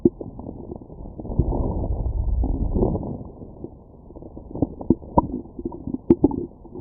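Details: Stomach bowel sounds recorded through a stethoscope after eating McDonald's: low rumbling and gurgling with scattered short pops and bubbling clicks, ordinary digestion.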